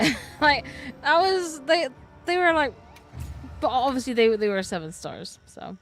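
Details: Female speaker who reports stuttering a lot, especially when trying to speak faster than she can process, varying from every sentence some days to not at all on others; audible word repetitions; stuttering.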